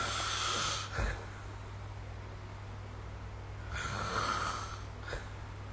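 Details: Snoring during sleep recorded with the SnoreLab phone app; noisy, rasping snores recurring with breaths over steady low room hum.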